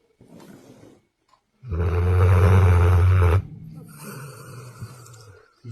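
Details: Sleeping golden retriever snoring: one loud, deep, rattling snore with softer snoring breaths before and after.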